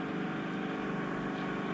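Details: Endoscopic ear wax microsuction near the eardrum by a nurse: a loud, steady, unbroken roaring rush of suction while trying to remove stubborn wax.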